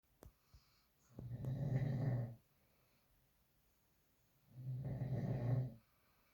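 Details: Sleeping dog snoring: two slow, low rumbling snores on the in-breath, a few seconds apart, in a quiet room; ordinary snoring.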